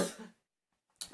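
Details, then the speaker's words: Single loud, harsh chesty cough from a 31-year-old woman during a makeup video, fading to silence, with the start of a second burst at the end. "that sounds like a very chesty cough"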